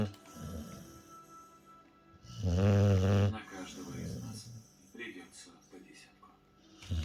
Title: Cane Corso Snoring Competition. Кане-корсо, конкурс на самый лучший храп